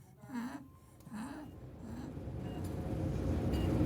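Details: An infant with RSV struggling to breathe, showing respiratory distress.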